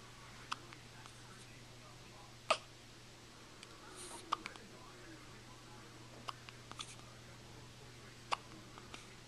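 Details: Hiccups: several short, sharp hiccup sounds at irregular intervals over a steady room hum.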